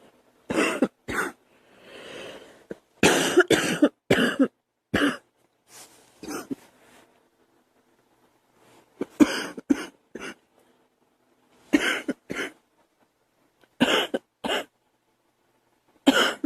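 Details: About a dozen separate dry coughs from a girl, mostly single or paired bursts with pauses between, plus a throat clear.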